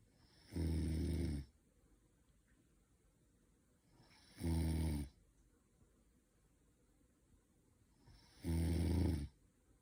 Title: snoring noise